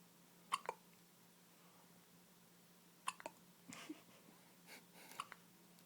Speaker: She looks so mad. I know. It's because she hates the hiccups you gave her.